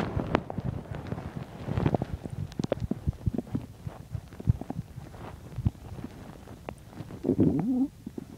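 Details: Stomach growling while digesting chicken and milk: frequent irregular low gurgles, pops and clicks, with a longer bubbling rumble near the end; active bowel sounds (borborygmi).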